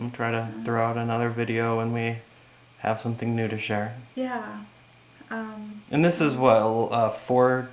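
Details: Adult male speaker; normal speech.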